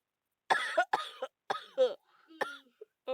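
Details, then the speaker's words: Several harsh, wet-sounding coughs in close bursts, about five within three seconds, from an adult feeling very ill with a bad cough and cold. "Right, right here a lot of coughing, but I'm sorry. I haven't uploaded videos because I'm feeling very ill, and so yeah."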